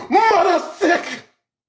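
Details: Imitated sneeze in a comedic skit showing how people from different Caribbean countries sneeze, with music between.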